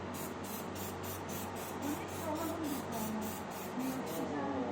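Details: Home stoma care: rapid repeated short hissing bursts of barrier-forming spray from an aerosol can applied to skin around the stoma to strengthen adhesion, with faint background talk.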